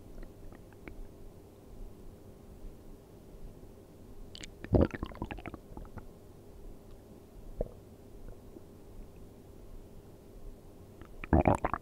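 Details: Person sleeping on an empty stomach: quiet room with a few irregular gurgling, squelching rumbles from the belly; hunger-related bowel sounds (borborygmi).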